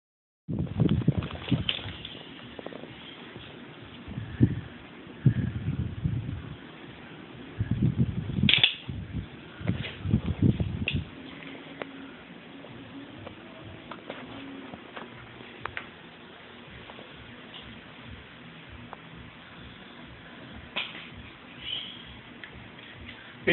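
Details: Trotter snoring: low, rough rumbling snores repeating for about ten seconds, then fading into steady fan-like room noise.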